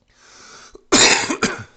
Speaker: a little bit of a smoker's cough there